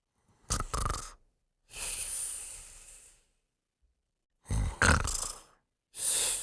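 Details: Simulated cartoon snoring (Pink Panther sleeping): a rattling in-breath snore, then a long hissing out-breath, repeated twice; an exaggerated imitation of snoring.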